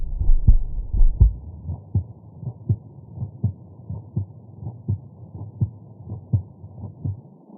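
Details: Steady, regular low thumps at about 82 beats a minute heard through a stethoscope: normal heart sounds.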